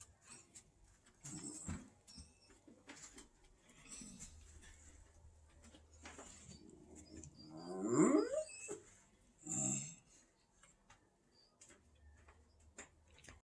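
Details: Great Dane puppy sleeping with quiet, soft snoring breaths and one louder snorting squeak partway through; snoring.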